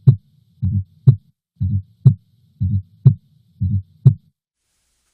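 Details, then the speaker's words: Fourth heart sound (S4 gallop): blood striking a stiff left ventricular wall gives a soft extra sound just before S1 with a "Tennessee" cadence, in a regular heartbeat at 60 a minute. "I'll play you an example of the S4 now and just like patients remember the S3 by Kentucky patients often remember the sounds of an S4 by Tennessee"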